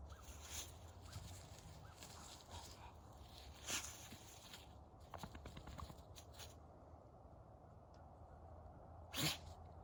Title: Back scratching and a good sneeze. This is Bear - November 7, 2021